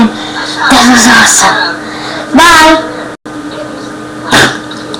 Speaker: Hello, I'm going to do a few more burps for more views and ratings.